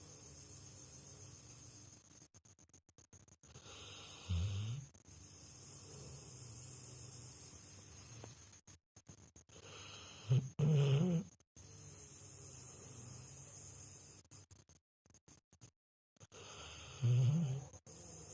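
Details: Snoring in a sleeping dog: three loud, low, rattling snores about 6 seconds apart over quiet breathing, roughly 10 breaths a minute.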